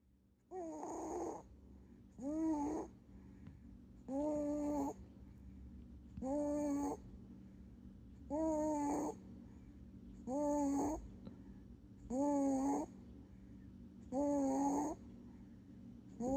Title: my 2 month old baby snores like an adult 🤦 #baby #cute #funny #snoring #babyboy #adorable #cutebaby